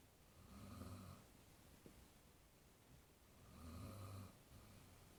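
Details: Soft, low, rumbling snores on each breath, about three seconds apart, in a quiet room; snoring.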